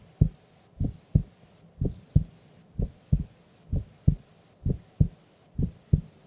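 Steady lub-dub heartbeat at about 65 beats a minute, clear first and second sounds; normal resting heart sounds.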